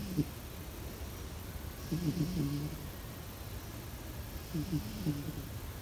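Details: Sleeping pet cat snoring softly in a low, rhythmic pattern over a steady background hiss; the owner insists the recording is unedited. Normal sleep breathing noise.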